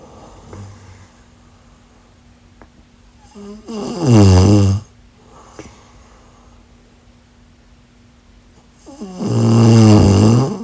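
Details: Two loud, rough, rattling inspiratory snores separated by quiet breathing out, about six seconds apart; snoring.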